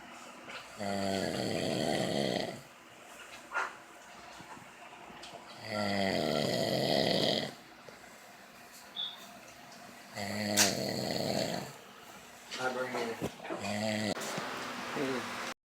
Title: Snoring in his sleep